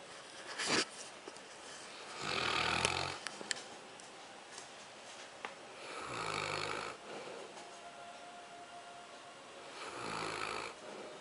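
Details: Newfoundland dog snoring: three rough, rattling snores on inhaled breaths, roughly every four seconds, about 15 a minute; ordinary snoring.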